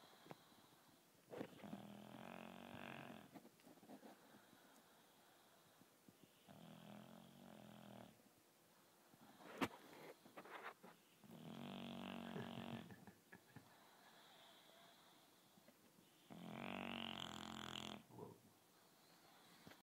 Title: My dog snoring like a truck driver - הכלב שלי נוחר כמו נהג משאית